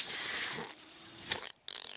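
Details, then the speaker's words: The speaker's own mechanical ventilator during podcast speech: an airy hiss of airflow, then a brief pause and a fast train of soft mechanical clicks; mechanical ventilator sound. "That noise you're hearing is my ventilator."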